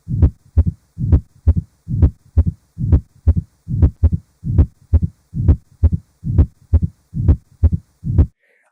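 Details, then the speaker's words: Mitral stenosis murmur teaching example: regular heartbeat near 67 a minute with a low rumbling diastolic murmur from turbulent flow across a narrowed mitral valve orifice, with the left atrium working against resistance. "लेकिन left side पे क्योंकि metal बल् का office नरो है तो देर four there is a टर्बुलेटर"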